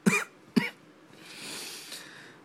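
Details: Sick adult who had just taken NyQuil: two short, sharp coughs in quick succession followed by a breathy exhale.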